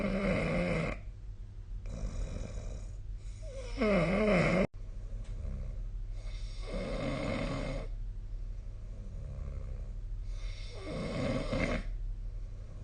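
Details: Loud, rough fluttering snores on each breath, about five breaths in a quiet room, recorded during sleep on 2025/02/22; heavy snoring.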